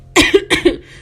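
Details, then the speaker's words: Adult woman, sick with a blocked nose and a sore throat, who says she has been coughing for a while: two short, sharp coughs in quick succession, each with a brief voiced tail, in a quiet room. "j'arrête pas de tousser depuis tout à l'heure. Peut-être que ça s'entend à ma voix, mais je suis malade."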